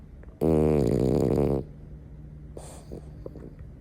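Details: French bulldog (flat-faced dog) snoring: one long, loud, vibrating snore on the in-breath, followed by quieter snuffling breaths.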